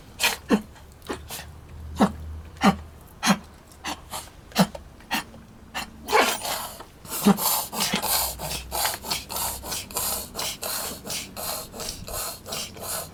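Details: Dog with repeated short, harsh snorting breaths; owner questions kennel cough or other cause, noting gums a bit pale and dehydration.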